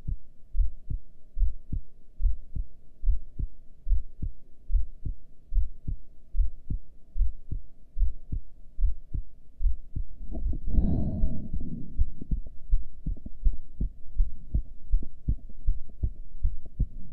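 Regular low heartbeats at about 70 a minute, with a brief rush of breath partway through; a normal heart rhythm during a breath hold.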